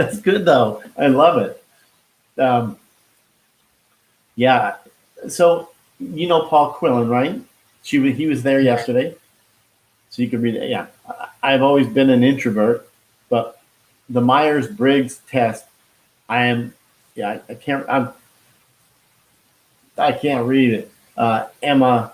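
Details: Expressive aphasia after a stroke in a man who had it at age 49, about 10 years earlier, who could not talk at first and still loses words.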